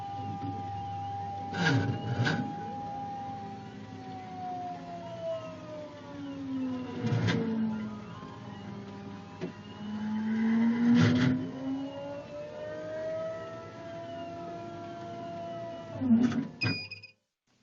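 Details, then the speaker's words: Adult female dental implant patient positioned for a scan: steady motor hum, slowly gliding whine tones and a few clunks as the cone beam CT scanner rotates around the head. "now you're all set steady do not move this thing's gonna go around okay"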